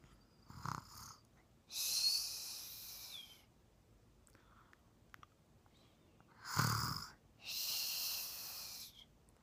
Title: 24 months fake snoring